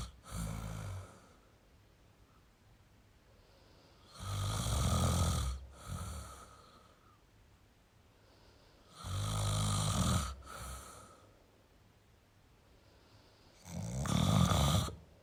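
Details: Loud snoring in a sleeping male: harsh, rattling snores on each breath in, about every five seconds, each followed by a short snort.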